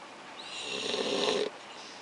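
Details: A father snoring in his sleep in an RV at a church camp meeting on 6/9/2012, his children sleeping nearby: a single raspy, rattling inspiratory snore lasting about a second against quiet room noise.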